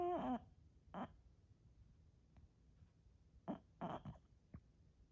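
Short, irregular snorts and a whistling squeak from a sleeping bulldog, noisy snoring through a narrow airway.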